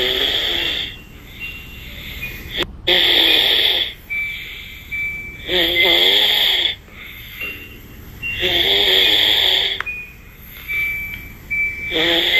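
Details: Snoring: repeated high, whistling, wheezy snores on breathing in, about every three seconds, with quieter breaths between.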